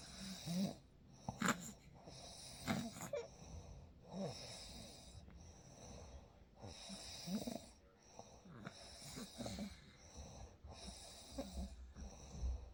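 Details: Real night recording: soft, irregular rattling breaths with faint nasal snorts over steady room noise; gentle snoring.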